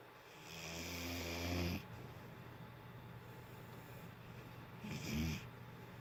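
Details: Two rumbling, vibrating breaths a few seconds apart, first long, second short, against quiet room noise; a sleeping dog snoring.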